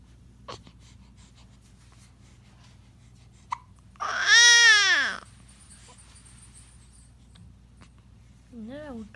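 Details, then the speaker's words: Baby with hiccups crying: a single short infant cry with a falling pitch, then a brief fussy sound against steady room hum. Infant cry. "விட்டு அழுகுற. கீழே எடுக்குதா குழந்தைக்கு, அதனால அழுகுறீங்களா?"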